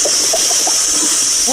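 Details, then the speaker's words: Loud stomach growling (borborygmi) in a woman in a store, noted as louder in a leaning position: short bubbling, gurgling chirps over a steady hiss. "what's that, your stomach? What happened?"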